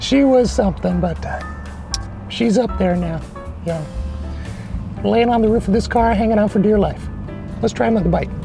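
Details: Adult man with persistently high-pitched voice, no treatment chosen; mutational falsetto (puberphonia).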